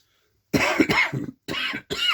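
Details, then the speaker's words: A quick run of three harsh adult coughs, the first longer and broken into two pushes, in a quiet room, from a person who says they have caught a bug and are coughing and sneezing. "I've got everyone else's bug at the moment. As you can hear me coughing, sneeze and everything else."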